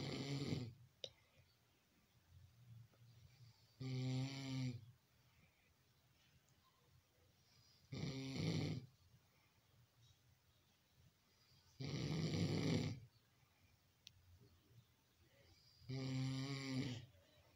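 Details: Regular, rough, rumbling snores about every four seconds, roughly 15 per minute, with quiet pauses between them, recorded live on camera.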